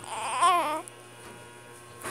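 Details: One-month-old infant crying: a brief, high-pitched cry with a wavering, tuneful pitch, followed by quiet room noise.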